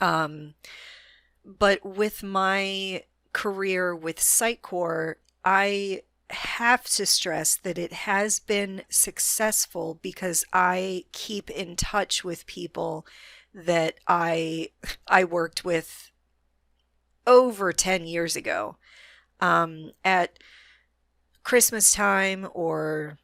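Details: Adult woman with a self-described moderate, not severe, stutter that is audible but which she can control most of the time; stuttering.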